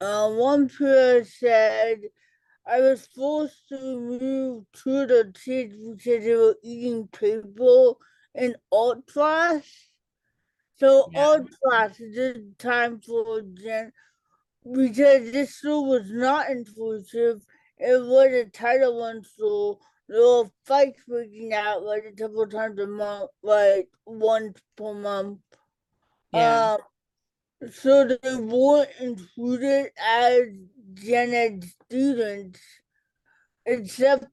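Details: Adult female educator and author with cerebral palsy and an early speech delay; dysarthria (cerebral palsy).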